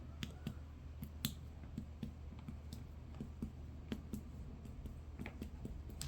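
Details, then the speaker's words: Quick finger-percussion taps during a head-to-toe abdominal exam, mapping the liver border: the note turns flat and dull over the liver after tympany over the epigastric air bubble. "Sounds more dull over here. So I'm gonna mark it."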